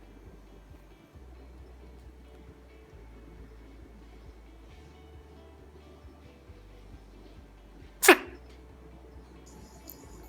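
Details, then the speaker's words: A single sharp, brief sneeze burst from an owl rises above soft background music and low room noise; an animal sneeze. "in this video you can hear the sneeze sound of owl"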